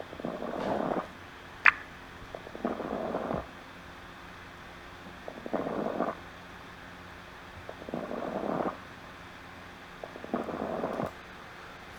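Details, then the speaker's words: Lung auscultation through a stethoscope: breaths with faint, brief popping clicks, fine crackles attributed to fluid in the alveoli, as in alveolar edema. "crackles um crackles they are like opening bubbles based on their nature they may be fine crackles or coarse crackers fine crackers are heard like"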